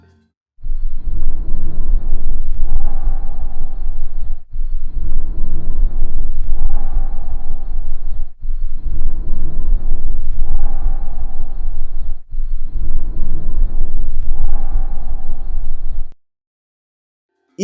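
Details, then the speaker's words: Sound representation of four steady, soft rushing breath cycles, as heard over the 1st–2nd intercostal spaces and interscapular region, with equal inspiration and expiration and no pause: normal bronchovesicular breath sound. "a relação dele de inspiração é igual à da expiração e não existe pausa entre estes dois tempos agora então vamos colocar os nossos fones de ouvido para a gente escutar uma representação sonora do som broncovesicular"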